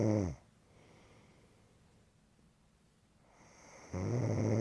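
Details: Snoring: deep, buzzing snores at the start and end, separated by a quiet pause of about three seconds.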